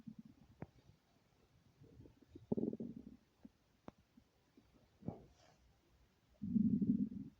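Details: Stomach growling with hunger: scattered gurgles and clicks with a longer rumbling growl at the end; bowel sounds (borborygmi).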